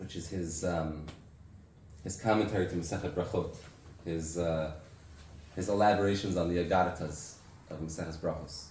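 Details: Adult man with aphasia after a stroke six years earlier that also caused memory loss and loss of use of an arm; has difficulty speaking, reading and writing; reading a prepared text aloud; aphasia after stroke.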